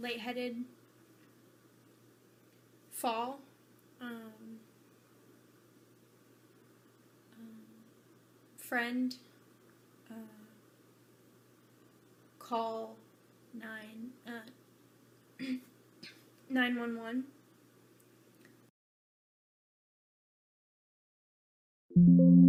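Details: Broca's (expressive) aphasia in a woman after a left-hemisphere stroke that also caused right-sided paralysis; nonfluent, effortful, telegraphic key-word speech is heard, with intact comprehension and awareness of her difficulty.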